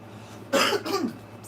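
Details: Cough.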